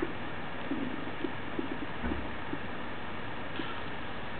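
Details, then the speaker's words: Simulator abdomen, stethoscope over the upper right and upper left abdominal quadrants: frequent soft gurgles and rumbles, the hyperactive bowel sounds of diarrhea. "sam presents over 20 bowel sounds they may be heard in the upper right and upper left abdominal quadrants listen to the sound of diarrhea"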